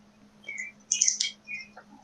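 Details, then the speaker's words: Mother sneezing two or three rooms away, faintly picked up during an online tabletop game session: faint, high-pitched chirping bursts that listeners mistook for a songbird; distant sneezes. "That's my mom sneezing in like 2 or 3 rooms away."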